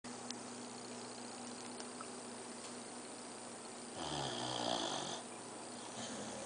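Steady room hiss, then one louder, rough, rattling breath lasting about a second: a single snore.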